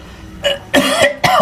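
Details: Adult man in a comedy skit, a smoker, gives three short, harsh acted cough bursts with the middle one longest: a simulated cough.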